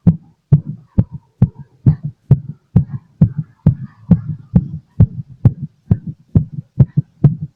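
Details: Rapid, forceful heartbeat through a stethoscope after drinking lots of coffee: loud, fast, regular thumps about 130 beats a minute; caffeine-related thumping heart.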